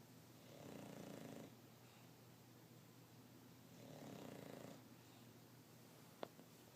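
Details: Sleeping English bulldog: two soft, rough, rattling snores about three seconds apart, roughly 20 breaths a minute, with a faint click near the end; snoring.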